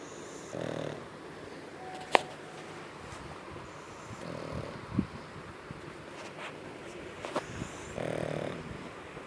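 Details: Three-year-old pug snoring happily, even while awake; snoring.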